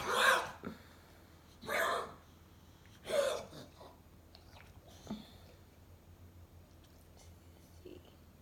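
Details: Cough in an old female Boxer; a vet found no fever or irregular heartbeat and gave antibiotics, and the owner worries it could be something worse: three loud, harsh, hacking coughs about 1.5 seconds apart, then quieter breathing.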